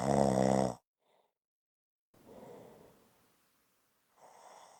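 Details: One short, loud, rattling snore, then quiet breathy exhalations after a silent pause; snoring.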